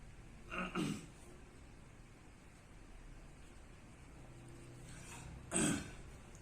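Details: Man with Tourette syndrome: two brief, abrupt throat-clearing sounds about five seconds apart against quiet room noise, a throat-clearing vocal tic.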